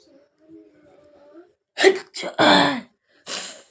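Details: Woman feeling unwell on a last attempt at a sneezing and nose-blowing challenge: quiet humming buildup, then a sharp sneeze with a brief catch and a loud second burst, followed by a breathy exhale; sneeze.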